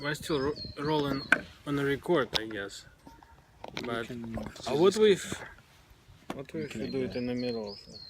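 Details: Adult man who says he stutters and is working on his speech. Stuttering.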